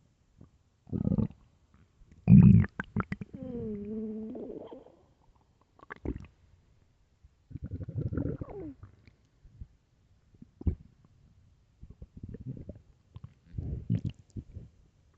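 Loud, deep growls and squeaky gurgles in separate bursts, including a drawn-out groaning rumble; ordinary hunger growling of an empty stomach.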